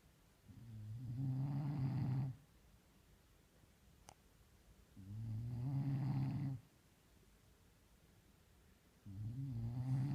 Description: Sometimes you can't fuzz about being sleeping beauty. You just need to sleep very loudly